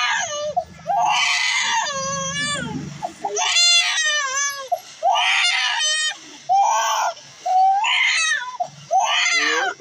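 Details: Infant a few months old crying during her first haircut, at first frightened. Loud, irregular wails separated by catch breaths, with an adult murmuring soothingly early on. Ordinary distress crying.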